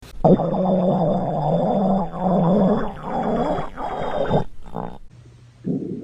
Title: Normal stomach growl 4